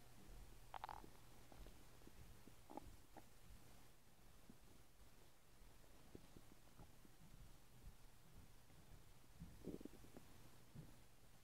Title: 5 minutes of my stomach making noises